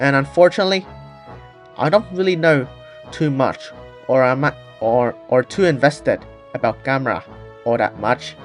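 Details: Person who stutters, with audible repetitions; stuttering.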